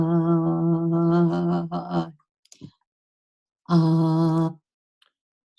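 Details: Female patient complaining of an unsteady voice, told she sounds nervous; vocal tremor.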